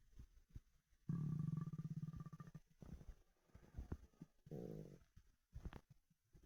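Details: Stomach rumbling after 24 hours without food; borborygmi.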